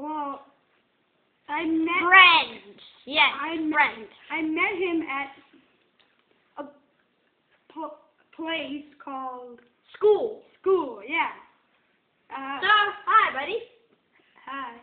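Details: Child acting out stuttering (imitated, not real) in a mock book talk, with part-word and whole-word repetitions; finding: stuttering (imitated).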